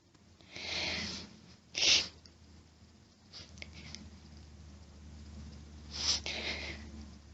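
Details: Female allergic sneezing fit with rapid groups, hitching and buildups: three sharp sneezes, each preceded by a short breathy buildup, in a quiet room.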